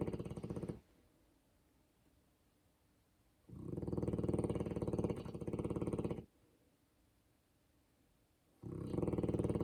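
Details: Polski Owczarek Podhalański (Polish Tatra Sheepdog) snoring at home; snoring.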